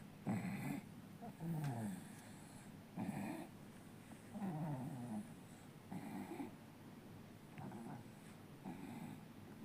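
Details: Four-month-old baby snoring loudly during sleep.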